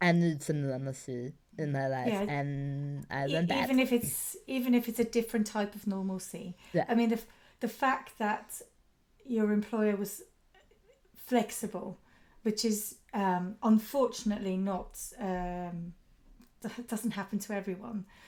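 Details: Adult woman speaking; typical speech.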